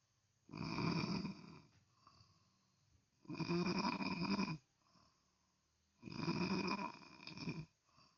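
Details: Person snoring very loudly while asleep, loud enough to disturb others' sleep; loud, harsh snoring on each breath in, about 20 breaths a minute, with short quiet breaths out between; snoring.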